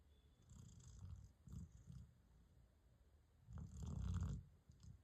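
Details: A golden dog snoring in sleep: low, soft rumbling bursts with a fluttering, purr-like quality.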